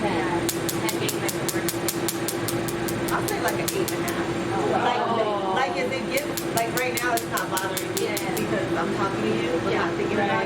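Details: Q-switched laser tattoo removal demonstrated live at a symposium, starting on a blue-black area of a multicolour tattoo: rapid, regular, sharp laser snaps in bursts over a steady machine hum, with quiet talk; the sensation is likened to a rubber band snap.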